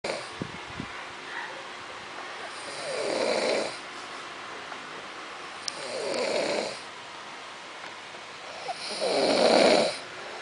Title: my boo snoring